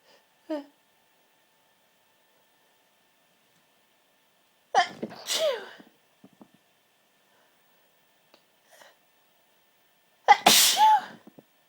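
Several sharp explosive sneezes separated by quiet pauses, one loud sneeze at the end: repeated sneezing.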